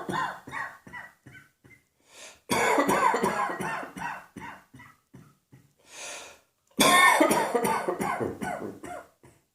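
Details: Repeated coughing in clusters of short, rough bursts with some throat clearing, with soft background music.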